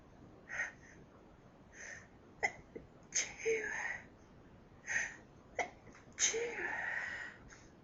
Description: Sneeze fit brought on by my allergy to Lillies